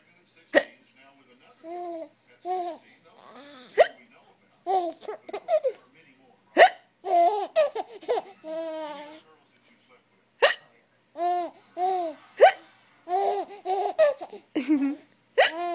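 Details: Adult's sharp hiccup clicks mixed with a 3-month-old baby's bursts of giggling and laughter at them; hiccups.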